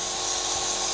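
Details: Steady, high-pitched mechanical whine and hiss of a running nebulizer air compressor producing mist.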